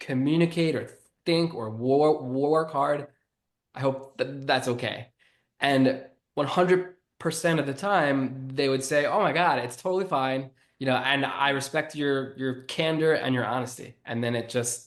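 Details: Stuttering in an adult man who has stuttered since childhood and was bullied for it while growing up.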